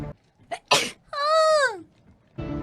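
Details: A quick in-breath, then a sharp burst of air and a high, drawn-out squeaky note while playing Apex Legends; one of repeated sneezes, with other sounds around it; sneezing.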